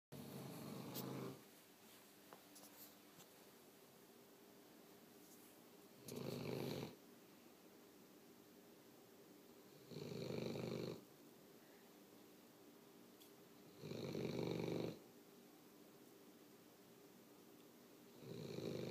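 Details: Five rough, rumbling snores at steady intervals with quiet pauses between, about 15 breaths a minute; snoring.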